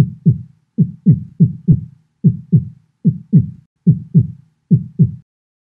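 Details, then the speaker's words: Normal heart sounds, S1 from mitral and tricuspid valve closure and S2 from aortic and pulmonic valve closure; regular paired low lub-dub thumps about 70 a minute with quiet gaps between. "heart sounds happen as a result of valve closure namely intraventricular valves mitral and tricuspid and this gives us s1 sound and then we have s2 which happens when the aortic and pulmonic valves close so normally we have something like this [Music]"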